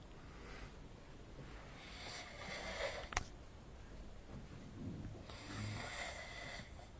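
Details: Adult man asleep on holiday at 11pm after drinking: noisy, rattling snoring breaths with a brief sharp noise partway through, possibly a fart; snoring.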